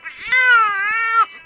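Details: Single high-pitched, voiced infant cry wail lasting about one second; infant crying.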